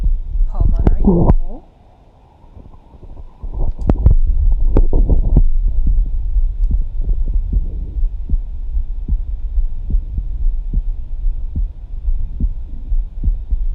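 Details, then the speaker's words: Live stethoscope recording: soft, repeating, smooth lub-dub heart thumps under steady hum and rubbing noise; normal heart sounds. "listening to the smooth sounds of the heart it's typing along Auto heart sing loved up loved up thought loved very gorgeous soothing heart beat and curse a musical heartbeat it's like a bell"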